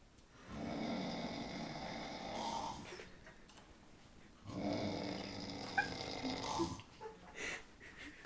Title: snoring champion